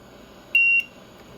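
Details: A single short, steady, high-pitched electronic beep from an LTV-1200 mechanical ventilator control panel during setup and patient-category selection, over quiet room hum; ventilator beep.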